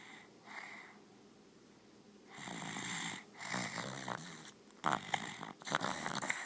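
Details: Snoring: irregular raspy, snorting snores with noisy breaths through the nose over a few seconds.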